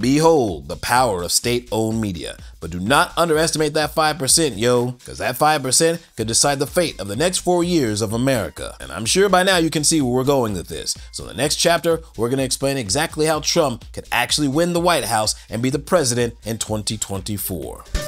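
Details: Adult male narrator; normal voice.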